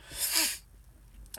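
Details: Single sharp, hissing sneeze then quiet room noise, a pepper-induced sneeze after sniffing cayenne pepper off a Q-tip, with a stuffy nose afterward.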